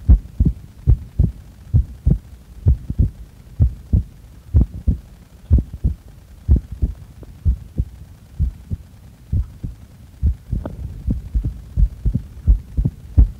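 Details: Heartbeat recorded during breath-holds after inhaling and after exhaling: strong, clear beats at about 64 a minute with slightly uneven spacing.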